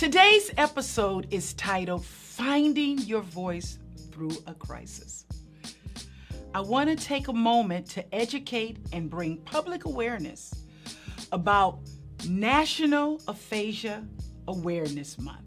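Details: Adult woman speaking, with background music; normal speech.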